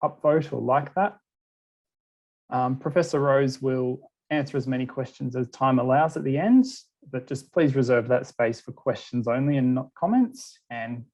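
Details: Adult male speaker; typical speech.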